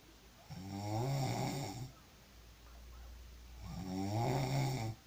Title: Sound of snoring when you are very tired.